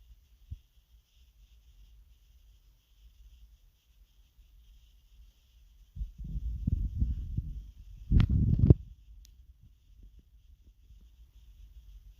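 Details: Hunger stomach growls: low gurgling and rumbling bursts after a quiet stretch, ending in a louder growl; borborygmi.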